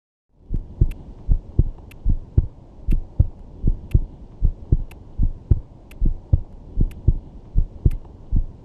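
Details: Normal heart sounds.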